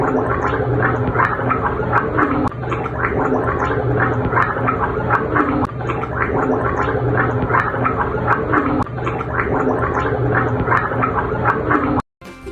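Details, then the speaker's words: Simulated gurgling: wet, bubbling gargle-like sound demonstrating upper airway obstruction by fluid. "Yang kedua ada suara gurgling. Suara seperti berkumur. Kondisi ini terjadi karena ada kebuntuan yang disebabkan oleh cairan."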